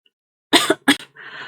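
An adult clears the throat in two short, harsh bursts, followed by faint room noise.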